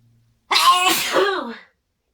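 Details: Very loud sneezing: one loud, explosive sneeze with a voiced finish after a brief quiet; ordinary sneeze.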